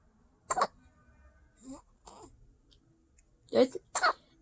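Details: Baby boy during tummy time, trying to lift his head: short, abrupt voiced catches, about five in four seconds, some in pairs; infant hiccups.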